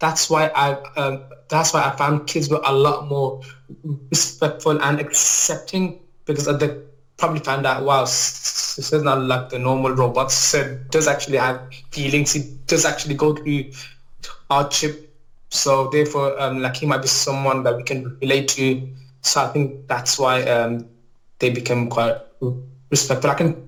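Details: Adult male teacher with a stammer since childhood, which he describes as a neurological disorder; he mainly blocks on words and sounds, including his own name, and it worsens when he is nervous. Stuttering (stammer).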